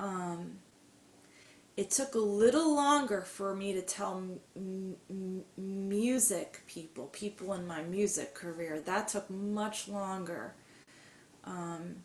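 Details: Adult woman with mild to moderate stuttering, long hidden (covert stuttering) with silent blocks, who has had speech therapy; stuttering.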